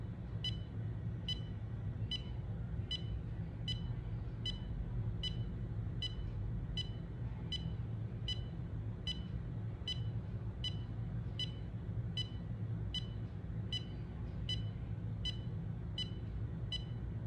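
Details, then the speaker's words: Adult's 30-second self-test with a standalone handheld EKG monitor, held against the chest near the heart or on the fingers: steady beeps about 75 a minute over low hum, stopping when the result shows; ECG monitor beeping. "the test lasts 30 seconds so you'll hear a beep and once it stops beeping that's when it gives you your result"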